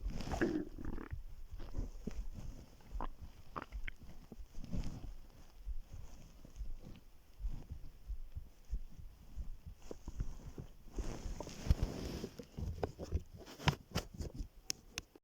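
Low gurgling and rumbling bursts come and go over a faint background, typical of stomach growling from gas and fluid moving through the gut.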